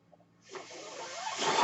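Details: The speaker's own mechanical ventilator heard during speech, cycling through a delivered breath.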